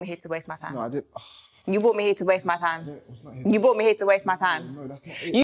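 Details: Person who stutters, in a recording labelled as therapy; stuttering.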